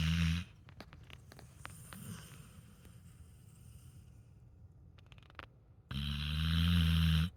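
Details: Sleeping dog snoring on a pillow: two loud, low, rumbling snores separated by a quiet pause; ordinary snoring.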